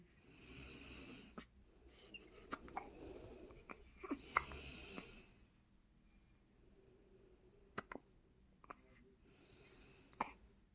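Soft breathing with sudden sharp catches at irregular intervals, about eight in ten seconds, fitting hiccups.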